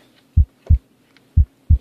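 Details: Two clean heartbeats with crisp first and second sounds, no extra sounds or murmur; normal heart sounds heard at the tricuspid area, fourth intercostal space at the left sternal border.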